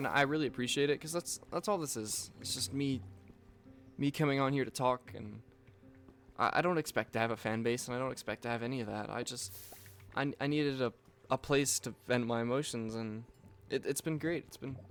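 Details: Male speaker with self-reported stuttering, stumbling over words and repeating the same phrases over and over; he notes he is stuttering while speaking.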